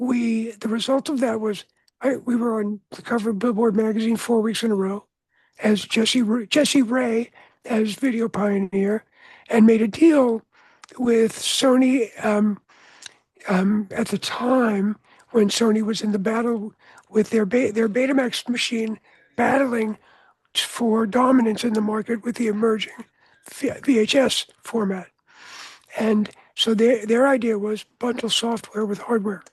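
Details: Adult man whose voice was altered by throat cancer, treated with surgery, radiation and two years of experimental chemotherapy: voice change after throat cancer treatment.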